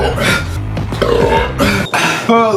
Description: This is just a 2023 recap of clips of my most insane chug challenges ending with the loudest burps you'll ever hear in the history of YouTube.